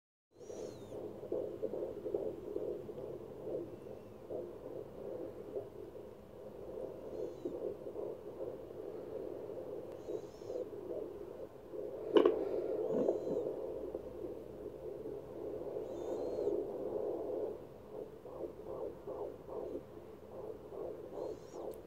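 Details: Fetal heartbeat at 15 weeks of pregnancy on Doppler: rapid rhythmic whooshing pulses, about 143 beats a minute; baby moves during recording; mother describes a difficult pregnancy.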